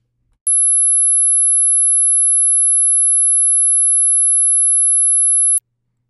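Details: An 11 kHz sine-wave hearing test tone at −12 dB amplitude, generated in Adobe Audition: a steady, very high-pitched pure tone held about five seconds, in an informal test of how high listeners can hear.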